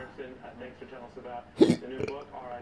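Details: One sharp, abrupt gulping hiccup interrupting quiet speech, from a patient with persistent intractable hiccups ongoing since December 2015, nearly four years, recorded September 11, 2019.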